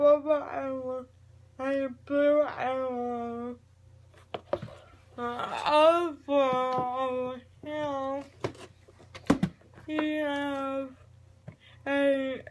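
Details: Adult speaker; dysarthria (cerebral palsy).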